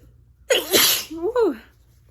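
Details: Sneezing fit during a cold, also linked to seasonal mold allergy, with an itchy throat: a loud voiced sneeze followed by a sighing vocal sound.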